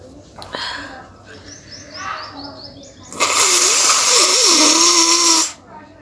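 Quiet sniffing and movement, then a long loud blast of nose blowing lasting about two seconds.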